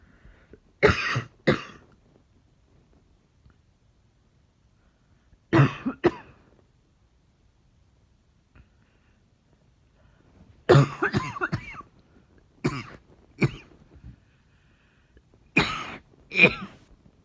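Repeated paired cough bursts with a deep, chesty quality, coming in spaced groups with quiet pauses between.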